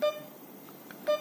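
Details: Mindray SK-600 infusion pump during operation and calibration: two short electronic beeps about a second apart with faint room noise between, confirming a keypress.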